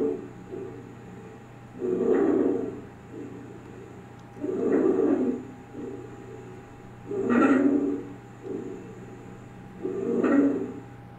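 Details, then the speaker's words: Stridor, continuous sound indicating laryngeal or tracheal obstruction: loud, harsh, high-pitched musical noise on each inspiration, about 22 breaths a minute. "Seguindo aqui eu tenho meus estrit são sons contínuos também indica uma obstrução da laringe ou traquea basicamente o som que você vai escutar É esse aqui"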